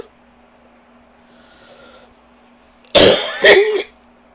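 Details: Two harsh, rough dry cough bursts after a quiet stretch, from someone coughing all day with allergies and a very tight chest; irritated allergy cough.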